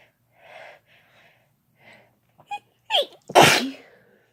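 Quiet breaths build to a sharp intake, then a loud explosive sneeze; an ordinary sneeze.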